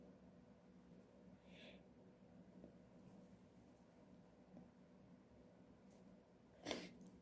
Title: I can't stop sneezing..